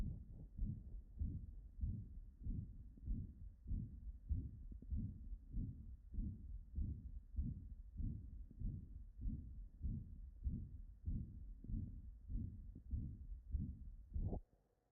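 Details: Live-recorded auscultation of a regular heartbeat at about 98 a minute with a rough crescendo-decrescendo systolic murmur between the heart sounds; ejection systolic murmur.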